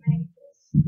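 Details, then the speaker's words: Normal heart sounds: regular paired lub-dub thumps, explained in a class on cardiac circulation as produced by the heart valves (bicuspid and tricuspid among those discussed) opening and closing. "just hit me just hit me good job but yes that is correct in make that sound because all those valves that we talked about our opening and closing"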